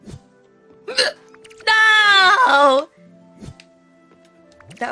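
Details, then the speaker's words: Woman gets hiccups during a live game stream, wondering if excitement caused them: abrupt voiced hiccups with squealed vocal sounds between, music in background; she says one moved her whole body. "oh no i have the hiccups no and the food's ready why did i get them did i get too excited"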